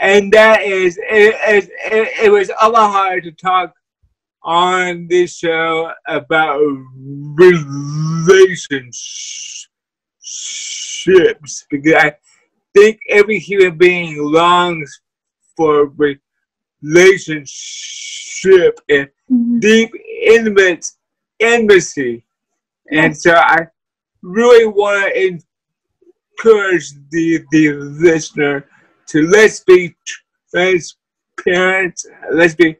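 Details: Dysarthria in a person with cerebral palsy who uses a wheelchair.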